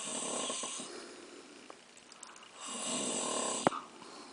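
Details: Snoring from a sleeping "bear" during a puppet show: two hissing, fluttering snoring breaths a couple of seconds apart, ending in a brief snort.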